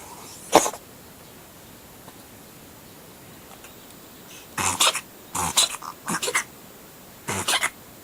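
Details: Siamese cat sneezing strangely: one sharp sneeze, then a quick run of short, snorting, hiccup-like "guhihi" sneezes.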